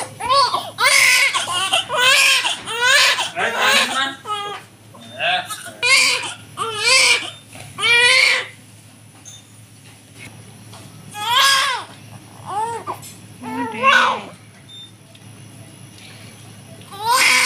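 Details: Healthy newborn baby girl just after a normal hospital delivery: strong, repeated bursts of crying with short pauses between them, over faint room noise; a vigorous, normal newborn cry.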